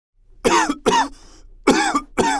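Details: Cough in a cough-tablet advertisement skit.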